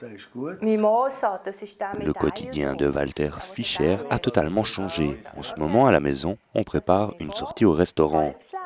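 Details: Adult male narrator; normal speech.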